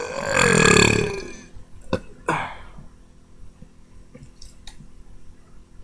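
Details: Deliberate, voluntary burping: one long, loud belch, followed by a few small clicks and quiet room noise.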